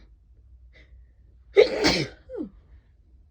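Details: From a series of stifled then let-out sneezes with false starts: a quick indrawn breath, then one forceful explosive sneeze with a short trailing sound; sneezing.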